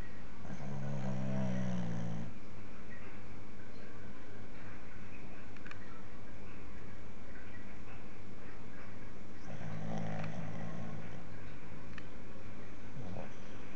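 Two deep, rumbling snores about eight seconds apart over steady background hum; ordinary snoring.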